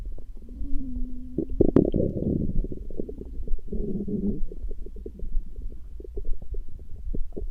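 Low gurgling rumbles with tonal groans and bubbly pops running through the recording. Ordinary stomach growling from gas and fluid moving in the gut.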